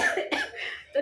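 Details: Woman with a hoarse, strained throat and a feeling of heat since afternoon: a single short, harsh cough burst between bits of speech; a dry cough.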